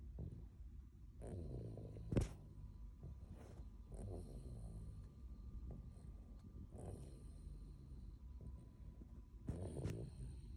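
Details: Sleeping toddler snoring lightly: soft, low, buzzing breath sounds recurring every few seconds over background hum.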